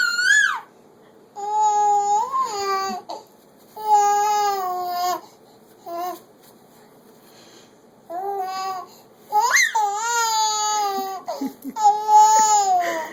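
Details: Infant cry in a 3-month-old girl: repeated tonal cries and fussing vocalizations in a small room, with brief pauses between them.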